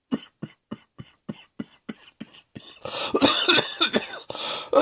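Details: Productive cough in afternoon with wheezing: a quick run of about eight short coughs, then harsher, noisy coughing and clearing, bringing up mucus.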